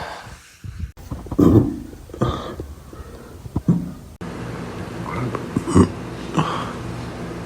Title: cute boy burp compilation !!!!